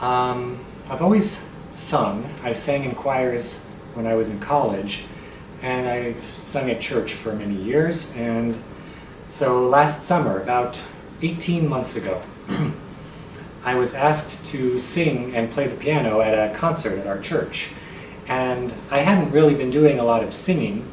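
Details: Adult male tenor with muscle tension dysphonia on a self-described really bad night; talking feels effortful, voice very strained with catches in his throat; vocal cords healthy but surrounding muscles tight. Muscle tension dysphonia.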